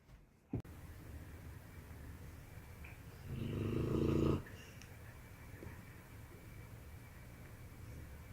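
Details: Sleeping pet dog, snoring loudly: one loud, low, rattling snore lasting about a second against steady quiet room noise.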